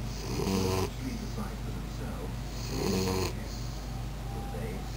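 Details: Pit bull puppy taking a lap nap after a long day of play, snoring: loud, rough snores on two long inward breaths, about 25 a minute, with quiet room noise between.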